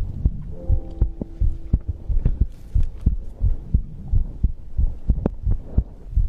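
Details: ASMR recording of heartbeat and breathing: deep, soft heartbeat thumps at roughly 88 beats a minute with a faint hum underneath.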